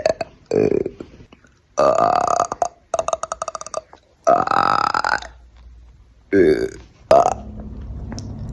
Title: burping on command